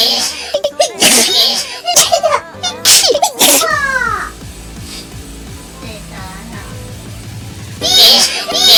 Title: Hololive Phony Sneeze くしゃみ ホロライブ フォニイ